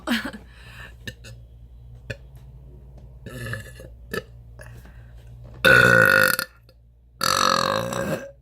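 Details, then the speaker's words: Voluntary swallowed-air burps on a first attempt at a longest air burp, nothing drunk beforehand, five tries planned: a few small throat sounds, then two long, loud, deliberate belches. "I'm going to attempt to get my longest air burp I haven't drank anything I'm going to try five times and see if I can do"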